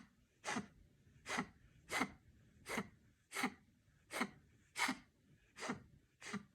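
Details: Repeated harsh coughing in a dog: nine short, evenly spaced bursts at about 80 per minute in a quiet room.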